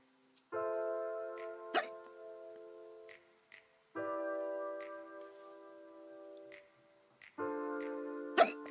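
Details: Two sharp, sudden vocal catches from a streamer over steady background music, strong recurring hiccups; hiccups.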